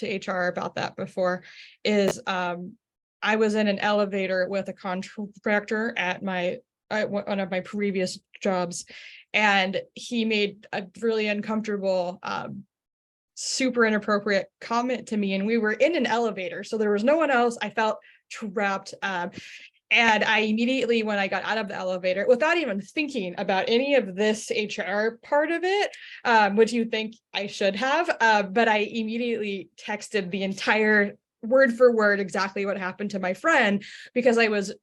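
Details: Stuttering in an adult HR professional who stutters.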